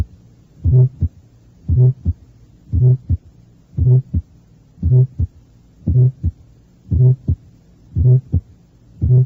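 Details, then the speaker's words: Innocent vibratory systolic murmur at the fourth left intercostal space beside the sternum (teaching example 14): regular heartbeat near 57 a minute with a soft humming murmur heard only in early and mid systole. "eso fue un soplos histórico e inocente del tipo frecuentemente denominado vibratorio se le escucha solamente en las porciones inicial y media de la sístole"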